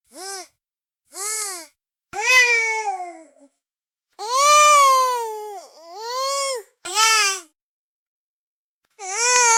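Short rising-falling whiny cries, some drawn out, with pauses between: an infant's fussy, whining cry.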